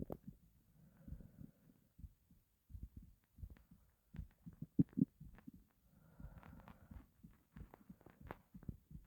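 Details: Stomach growling (borborygmi) from hunger after not eating for a long time: irregular low gurgling and rumbling bursts with brief higher squeaks, a normal finding.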